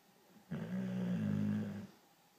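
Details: A female Boxer dog snoring heavily while sleeping: one long, deep, rumbling snore lasting over a second, with a low growl-like quality; snoring.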